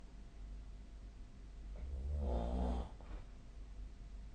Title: 🐽 本日のイビキ / Snoring Sleep Sound 2025/02/28